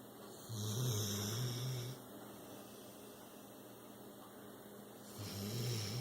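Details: Low, buzzing snores on each breath with quiet pauses over steady background hum, from a 6-year-old rescued pit bull, out cold.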